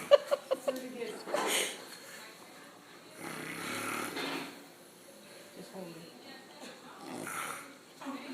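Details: A man snoring, recorded by onlookers: rough snoring breaths recurring every few seconds, with some clicks and faint room noise.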